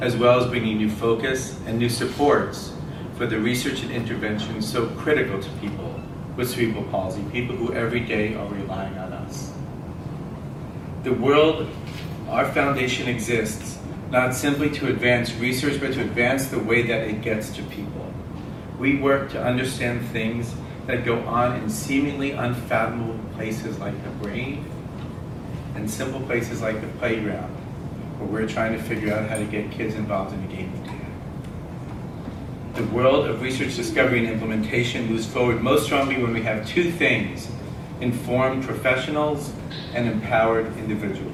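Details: Adult male speaker; typical speech.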